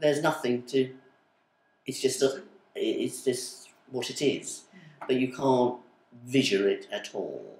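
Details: Adult female with aphasia of sudden onset (woke one day unable to speak), with word-finding difficulty especially for numbers, months and colours, attending speech therapy communication groups; aphasia.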